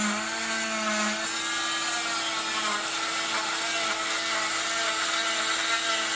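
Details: Oscillating cast saw cutting through a cast with light pressure: steady high buzzing whine with grinding; it vibrates rather than spins.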